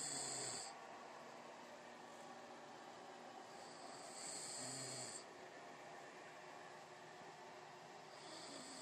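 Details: Person snoring: hissing, rasping snores about every four seconds, around 15 a minute, over steady background noise.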